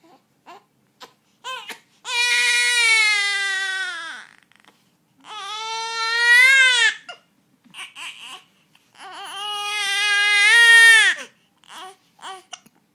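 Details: One-month-old baby boy crying, with hiccups noted: three long, high wailing cries with short catches and gasps between them; infant crying.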